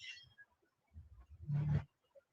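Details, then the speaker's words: Male cat snoring while asleep: a low, rumbling snore building into one louder rattling breath; owner says he snores loudly, audible from other rooms, though not too badly at the moment. "your cat snores he is such a he snores like a grown man he's not snoring too bad right now but he he can snore you can hear him in different rooms when he's snoring"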